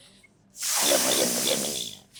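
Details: Man about 2.5 weeks after laryngectomy for vocal cord cancer, previously given radiation, learning stoma-occlusion speech: a single loud hissing rush of air through the neck stoma, no voice.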